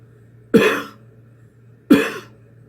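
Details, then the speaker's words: Person with COPD deliberately coughing to clear sputum from different sections of the lungs: two separate forceful coughs, slightly rough. "Now that's on my left side, (cough)(cough) that's on my right side, you really can't tell. But I can feel it and just cough like that."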